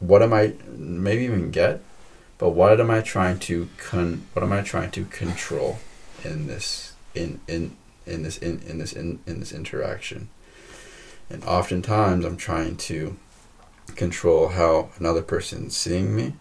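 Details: Stuttering in a podcast host who stutters himself and describes pushing through blocks; repetitions of words and phrases.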